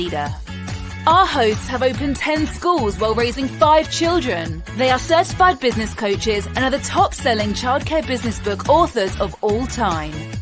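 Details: Adult female voice; Normal speech.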